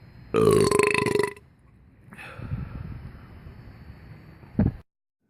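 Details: One loud, drawn-out belch about a second long, then room noise and a short click; ordinary burping.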